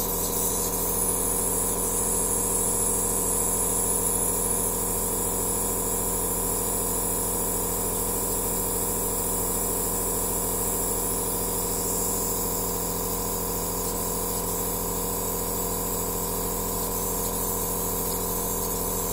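Steady hum from a compressor with a constant hiss of spraying mist; a nebulizer running.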